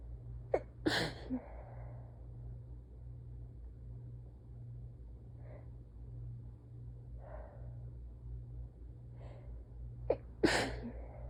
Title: Soft, tired sneezes w/ handkerchief (3/4)